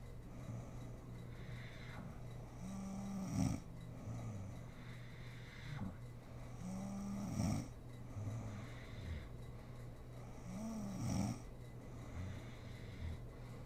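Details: Mother sleeping and snoring: steady low snores on each breath, about 16 breaths a minute, over a constant low room hum; ordinary sleep snoring.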